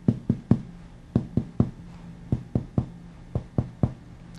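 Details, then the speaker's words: Chest percussion on a supine patient at about the fourth intercostal space, moving from the anterior axillary line medially: the finger-tap note changes from lung resonance to cardiac dullness, marking the left heart border. "begin percussing from about the anterior axillary line and move immediately to here resonance of the lung change to dullness do you notice the change at that point"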